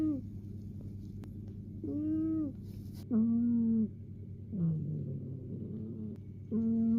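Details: Squeaky, whistling snores rising and falling in pitch, with a low room hum; a cat snoring during a nap.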